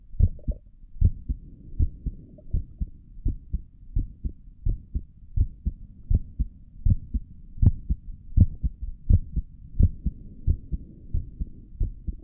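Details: Own heartbeat through a stethoscope on the chest, ASMR recording: soft, regular low thumps at about 80 beats a minute with a faint hum beneath; normal heartbeat.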